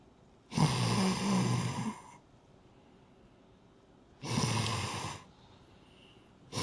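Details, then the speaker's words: Snoring acted for comedy by an adult: two loud, rattling snores, each about a second and a half long, with quiet breathing between. "Kwani we hili balaa ulisikia hapa? Mtu anakoroma vibaya mno sikia sikia."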